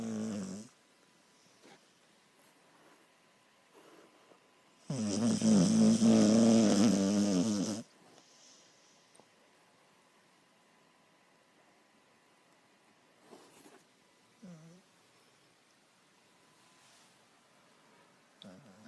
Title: Skibo - Snoring Border Collie